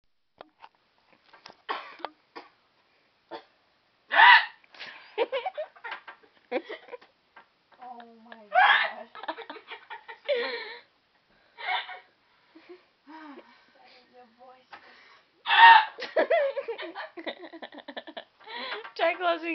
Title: World's funniest hiccups